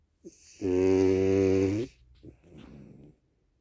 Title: Zephyr Frenchie snoring like a champ